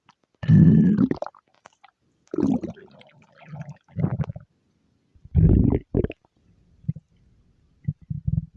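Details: Stomach growling (borborygmi): several low, bubbling rumbles and gurgles in bursts with quiet gaps between them.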